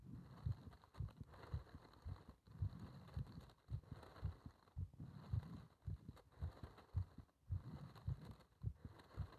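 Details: Heart sounds recorded during paper-bag rebreathing (part one): quiet paired heart thumps at about 55 beats a minute, with breathing noise in the background.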